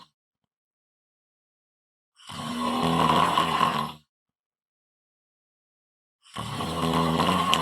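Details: Loud snoring: two long, loud, rough rattling breaths separated by quiet pauses.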